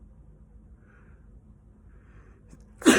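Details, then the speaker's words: Near-silence in a quiet room, then a single sudden, explosive burst of air from an adult talking to the camera: a sneeze. "needed to sneeze geez okay I feel like that's a normal thing to sneeze while you're talking to your peoples"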